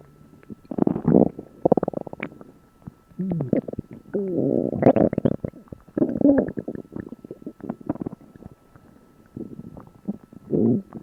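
Loud, long gurgling and rumbling abdominal sounds in repeated runs: prominent bowel sounds, normal gut activity after eating.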